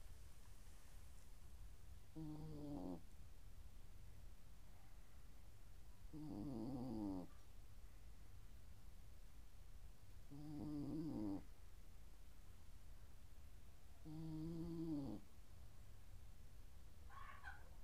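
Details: Sleeping dog snoring in steady, rattling breaths, about four in seventeen seconds (roughly fourteen a minute), against a low, steady room hum.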